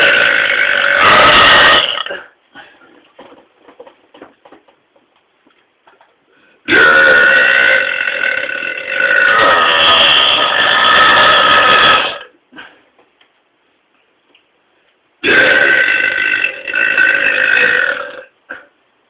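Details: Two people deliberately burping: three long, loud, rumbling burps of several seconds each, with quiet room noise between.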